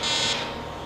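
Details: Fractional laser resurfacing on a patient's neck, treating hypopigmented skin margins: a short high-pitched electronic buzz as the handpiece fires.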